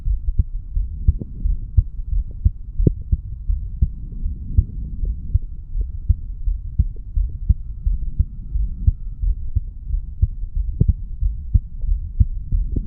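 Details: Steady heartbeat with clear thumps at about 87 beats per minute over a low hum, from a 35-year-old male, recorded at the mitral (bicuspid) valve area after doing weights; normal heart sounds after exercise.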